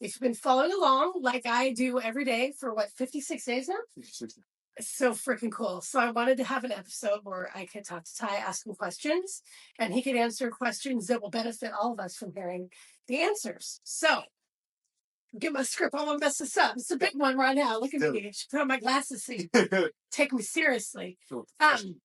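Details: Adult woman speaking; normal speech.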